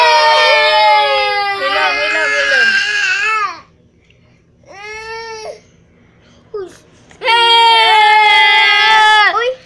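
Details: Loud wailing cry bouts separated by quieter pauses from an infant who cries when the adults cry, with imitated adult crying mixed in; ordinary infant crying.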